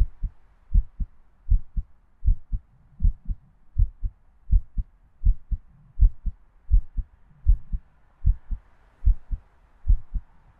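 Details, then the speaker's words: Heartbeat for an ASMR sleep-aid roleplay: steady paired lub-dub heart sounds at about 79 beats a minute, regular rhythm, faint background hiss; normal heartbeat. "I assume you can hear it. Yes, my heartbeat is much like yours, cutie. Demons and humans, we're really not that different."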